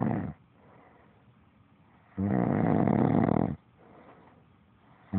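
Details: Snoring that happens every night during sleep: loud, rattling snores on each inward breath, about two in five seconds, with quiet breathing between.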